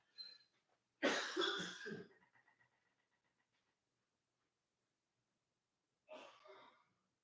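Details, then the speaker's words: Man on a phone call saying he is having an asthma attack before fetching his inhaler: harsh burst of coughs, then a faint wheezy trailing breath and a later cough; coughing possibly acted. "I think I'm having an asthma attack. I'm not kidding. That's what I've been coughing for."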